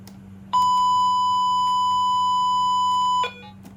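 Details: Primedic DefiMonitor EVO monitor-defibrillator connected to a simulator: a steady, high electronic tone lasting nearly three seconds after the charge button is pressed signals that charging is complete.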